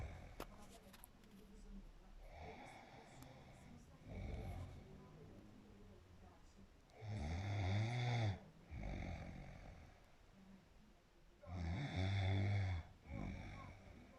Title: snoring away 🤣🤣